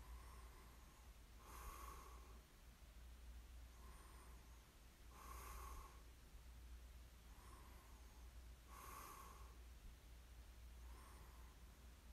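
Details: Light snoring in ASMR sleep recording: soft snorting snores on each in-breath, about 16 breaths a minute, with a low steady room hum.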